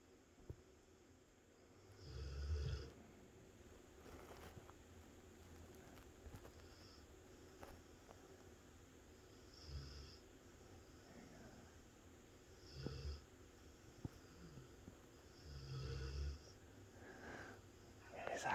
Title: sleeping bulldog part 2 snoring eyes open cute wierd puppy boy loves his life